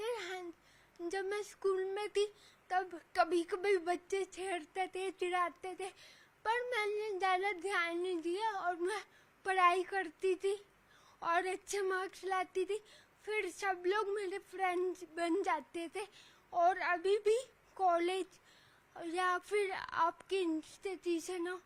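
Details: Dysarthria in a 26-year-old woman with cerebral palsy since childhood, which her father attributes to 10–15 minutes without oxygen to the brain at birth; she cannot walk or speak properly.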